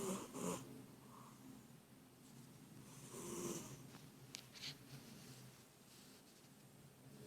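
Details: Sleeping, relaxed cat snoring: soft, rough breaths with a faint low rattle on each breath against quiet room noise.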